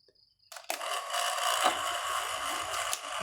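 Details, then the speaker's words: Nebulizer compressor (180 Hz spec) powered on before opening gives a harsh, buzzing, uneven rattle instead of a smooth hum; something is knocking loose inside, pointing to a compressor fault, possibly the rocker arm. "Bago natin buksan testinguna try power on. Parang iba ang kanyang tunog mga sir. Abnormal."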